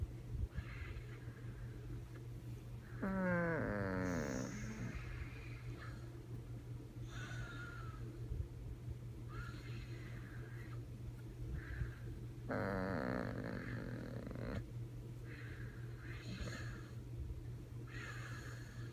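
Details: Sleeping puppy lying in an odd position, making soft snores with a few longer, croaking, wavering frog-like snorts over a steady background hum; snoring.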